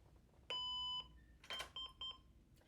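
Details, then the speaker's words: Manual monitor defibrillator (biphasic) switched on with the green power button in a cardiac cath lab: a steady electronic tone followed by several short beeps in a quiet room. "I'm going to give you a little overview on how to work the monitor defibrillator. To turn it on, you just press your big green button here at the top."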